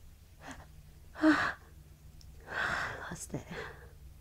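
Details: Morning sneezing fit on waking, habitual, cause unknown to her: two sharp sneezes with quick breaths between them in a quiet room, part of a longer run.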